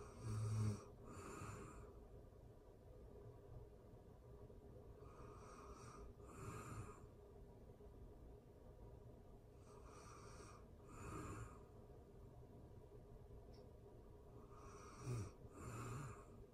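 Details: Real-time recording of a person asleep: soft, snorting snores with breathy out-breaths at a slow, steady rhythm; light snoring.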